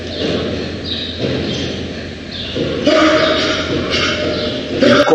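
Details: Dog with laryngeal paralysis, later treated with unilateral arytenoid lateralization with complete recovery; bark starts normal, then gradually weakens and is lost; dysphonic bark.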